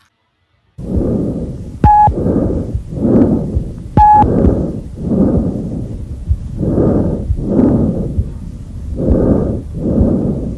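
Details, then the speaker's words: Normal tracheal breath sound, stethoscope placed over the trachea in a respiratory physiotherapy auscultation lesson: loud, harsh breathing, inspiration and expiration equal in length with little pause. "vamos tentar agora eu vou pôr para você ouvir um som chamado de som traqueal"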